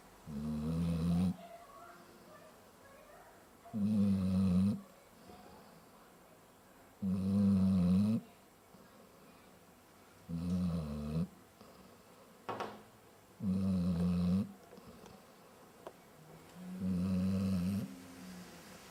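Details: Dog awake with eyes still open: regular low rattling snores about 18 a minute, each with a quiet gap between; ordinary dog snoring.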